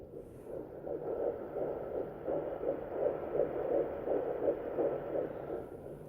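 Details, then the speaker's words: Home fetal Doppler (Sonoline) at 11 weeks 4 days of pregnancy, found quickly low on the abdomen: rapid, regular whooshing fetal heartbeat, displayed at about 153–155 bpm (heard about 165). "sometimes it takes me a couple minutes to find the baby's heartbeat and sometimes it doesn't um just bear with me while I do this and I found it already"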